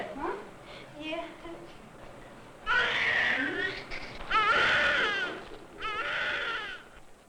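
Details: Newborn boy's first cry right after vaginal delivery: shrill, wavering cries in bursts after quieter sounds and some room noise; a vigorous first cry.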